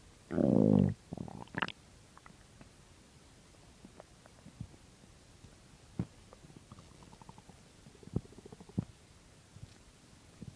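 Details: Stomach growling from an empty stomach: borborygmi.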